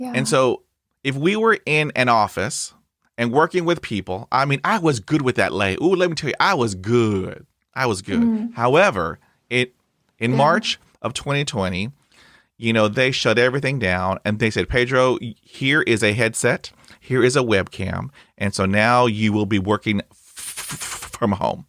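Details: Adult man who stutters, hosting a real podcast; this stretch has blocks and repetitions. Finding: stuttering.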